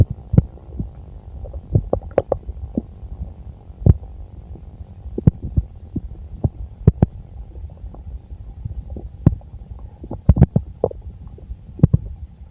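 Irregular low gurgles and sharp pops over a steady low hum; ordinary active bowel sounds of a full stomach.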